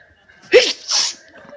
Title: Hay fever sneezes while trying to study in Starbucks